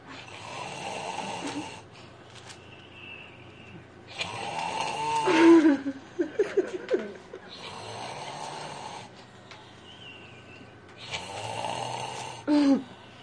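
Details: Loud rasping snores on the in-breath, about three over thirteen seconds, with quieter breaths and a few squeaky noises between them; snoring.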